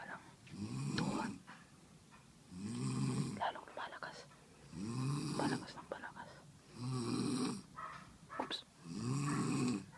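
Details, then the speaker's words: A loud snorer found by following the sound during a video game session: rough snores on each inhalation, about five in ten seconds, with quieter exhalations between them. "Hahanapin namin yung humihilik ang lakas dito malapit lalong lumalakas yung boses"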